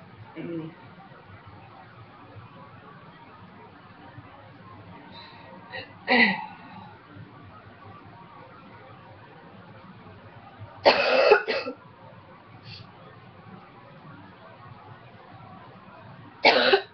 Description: I have quit smoking for almost 2 years now and my cough has been pretty boring since. Got a cold decided to record this dry coughing for you xox :)